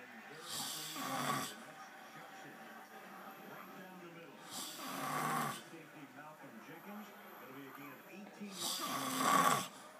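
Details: Edward snoring while watching football: three slow, rough, fluttering noises on breathing in, about 15 a minute, with quiet breathing between them.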